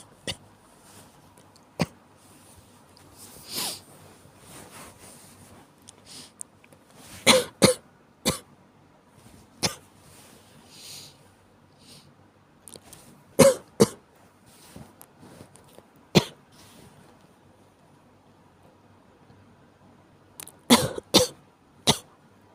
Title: 風邪の咳 caught a cold cough